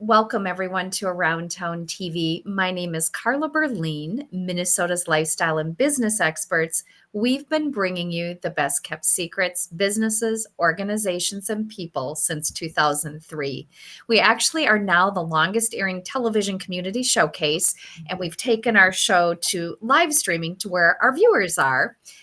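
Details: Adult woman speaking; normal speech.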